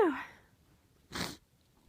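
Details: A woman sneezing uncovered in a long series of sneezes: a fading vocal sound, then a single loud, explosive, hissing burst of air; a powerful sneeze.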